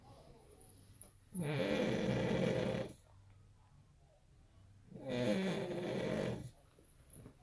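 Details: Father snoring while his newborn and older daughter listen: two long, loud, rattling snores on inhalation, separated by quiet exhalation.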